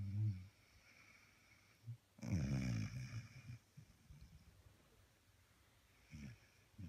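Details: Snoring: short low snorting breaths and one louder rattling snore in a quiet room.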